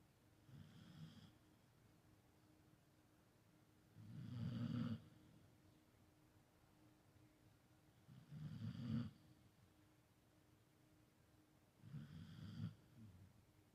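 Four low, rumbling snores evenly spaced in a quiet room, about 17 a minute. Ordinary snoring during sleep.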